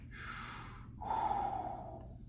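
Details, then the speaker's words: A tracheostomy patient taking deep breaths on a nurse's request gives two deep, harsh, rushing breaths with a rough, wet edge, indicating secretions that need suctioning. "all right so you do sound like you you need some suctioning"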